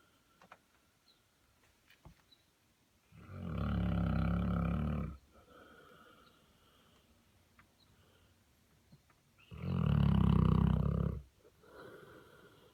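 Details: 130 lb Saint Bernard sleeping in a clawfoot tub: two loud, rough, rumbling snores about six seconds apart with quiet breathing between; ordinary snoring.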